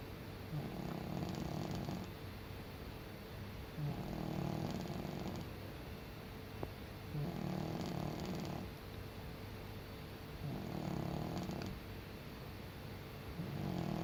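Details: Senior male cat snoring while asleep: soft, regular snoring with each breath, about 18 breaths a minute, over steady background hiss.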